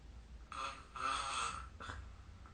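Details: Snoring during sleep recorded with the SnoreLab phone app: short rough, raspy breathing noises, a few in quick succession.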